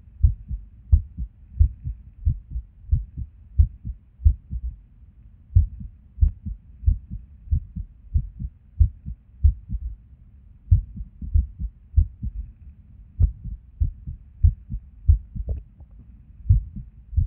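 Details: Resting heart sounds recorded at Erb's point while sitting at a desk, heart often skippy with and without reason: soft, muffled beats with uneven spacing and occasional pauses, an irregular rhythm with skipped beats.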